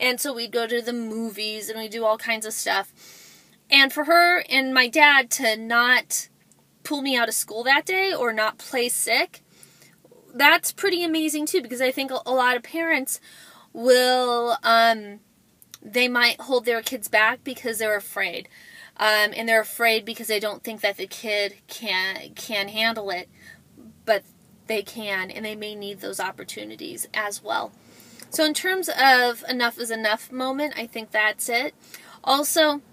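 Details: Adult woman who describes herself as a stutterer; word repetitions; stuttering.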